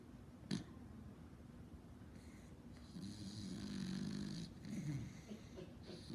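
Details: Snoring in a sleeping beagle: low, rumbling breaths with snorting and a faint whistle, rising and falling with each breath.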